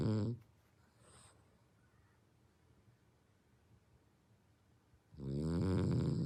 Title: フレブル を検討してる人に見てほしい。フレブル のイビキがおじさん並な件。#ブヒ#ブヒ会#ブリンドル #フレブル #フレンチブルドッグ #frenchbulldog#truffe#snoring